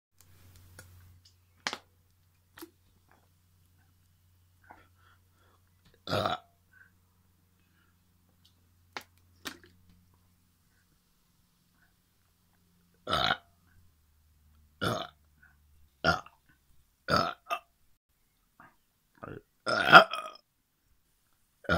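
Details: A series of short, abrupt belches, about eight or nine, in a quiet room; repeated burping.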